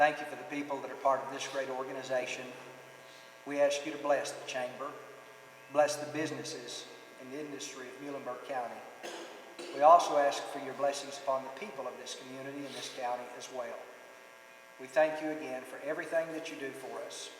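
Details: Adult man; Normal speech.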